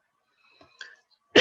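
Loud, rough 'h'-like rush of air imitating normal laryngotracheal breathing, from turbulent flow in the larynx and trachea.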